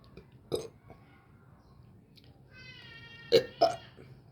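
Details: Three short, throaty belches over a faint steady tone and room noise; burping.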